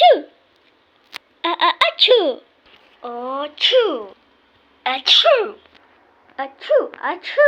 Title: Flying moco sneeze compilation